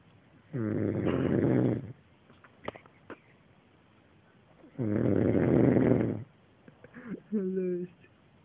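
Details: Person snoring while asleep. Two long, loud, rattling snores about four seconds apart, with a short voiced grunt after the second. Ordinary snoring.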